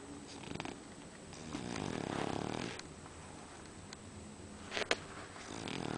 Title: Dreaming_snoring_ball_of_fur.MPG